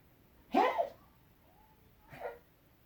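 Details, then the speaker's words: Dog sneezing after something bothered his nose, unusual for him; he normally has gagging fits on waking and changing position: two short explosive nasal bursts, the first louder than the second. "You look like you got sneezes today. This is the longest you've ever sneezed, baby."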